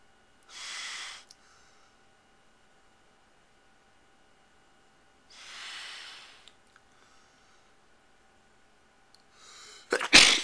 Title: A Sneeze caught on tape! 8-18-09 Day 83